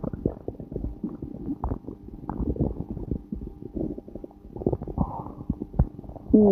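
Low gurgling, bubbling rumbles with short pops and squeaks run continuously through the clip, typical of stomach growling (borborygmi).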